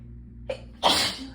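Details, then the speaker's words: Sneezing set off by getting cold (temperature, not illness) after the hot water ran out: a short indrawn breath, then one forceful, hissing sneeze; an ordinary sneeze. "and um sometimes when i get cold like not like a cold just like just like temperature cold um my nose gets really moody"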